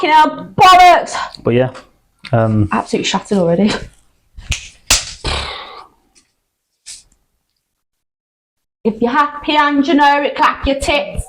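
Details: Adult woman diagnosed with Tourette syndrome about 9–10 years ago, producing sudden coprolalic vocal tics during casual conversation; vocal tics (Tourette syndrome).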